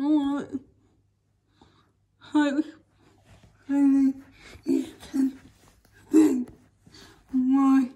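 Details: Woman with cerebral palsy speaking in a daily vlog; dysarthric speech (cerebral palsy).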